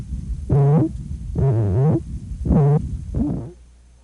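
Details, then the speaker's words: Pediatric respiratory distress: repeated short, low voiced grunts as a child breathes out, adding pressure to keep the alveoli open. Expiratory grunting, a sign of increased work of breathing. "you may also hear a grunting noise as the child breathes out this adds pressure to keep the alveoli open"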